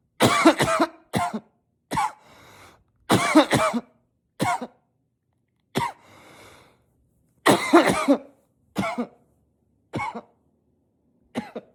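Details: Unstoppable coughing spell, coughed into a pillow while trying to stay quiet: about a dozen forceful, slightly muffled coughs in quick clusters with brief pauses and throat-clearing; a sustained coughing fit.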